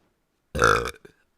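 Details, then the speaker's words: Female streamer, who says she burps a lot, burping during a stream: a single loud, low, rumbling burp lasting under half a second, with a brief trailing sound. "also for everyone who's new here I do burp a lot"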